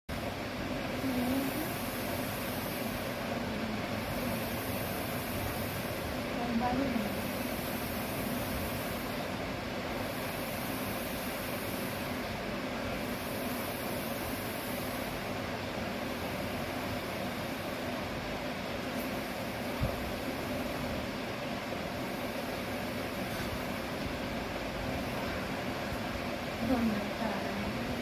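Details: Mechanical ventilator running: a steady mechanical hum with a soft rhythmic hiss repeating about every two and a half seconds, the operating sound of a ventilator machine.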